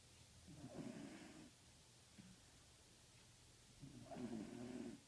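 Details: Sleeping Pembroke Welsh corgi, two slow low rattling snores about three seconds apart in a quiet room; snoring.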